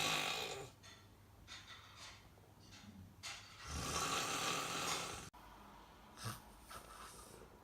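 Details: Snoring during sleep: noisy, hissing, snorting breaths in rough cycles with some room noise; soft, breathy snoring.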